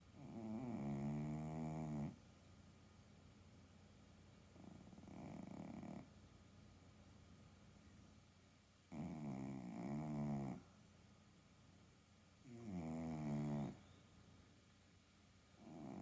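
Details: Regular snoring in a sleeping cat: four low, rumbling snores on the in-breath with quiet gaps, about 15 breaths a minute.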